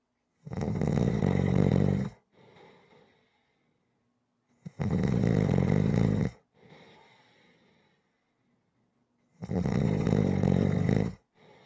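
Loud, rattling snores on each breath in, with softer breaths out between them, about 12 breaths a minute: heavy snoring.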